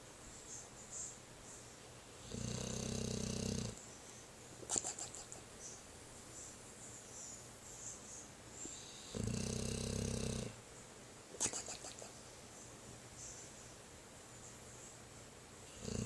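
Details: Snoring in a sleeping dog: two rattling snores on the in-breath, about seven seconds apart, with snuffling sounds between them.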